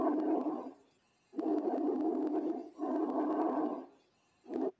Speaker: يبقى احنا دلوقتي بنسمع اللي هو البرونك بريست ساوند والمفروض البرونك بريست ساوند هو هاي بيتش بس اقل من التراكي لكن هو اعلى من الكلر تمام